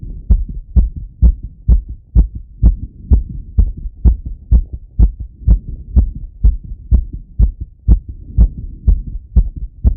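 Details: Male's own heart auscultated with a stethoscope after a workout set: fast, regular heartbeat, about 125 beats a minute with clear paired thumps; rapid heartbeat after exercise.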